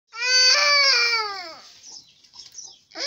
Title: Children crying